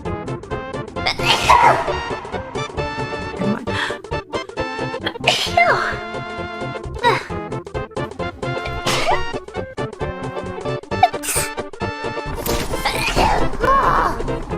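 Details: Compilation of female virtual streamers: about five short, sharp sneezes from different voices, music playing throughout; sneezing.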